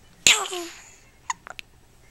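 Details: A single sneeze from a baby boy who often gets hiccups: one sharp, explosive sneeze followed by a few small catching sounds.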